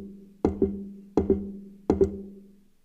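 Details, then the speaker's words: Imitation of wide, fixed splitting of the second heart sound, linked to an atrial septal defect that was missed in a patient with palpitations: three beats, each a sharp tap followed closely by a second tap. "wide and fixed splitting there's there's really not much in the heart that gives you that other than an atrial septal defect which is a a hole between the two top chambers of the heart"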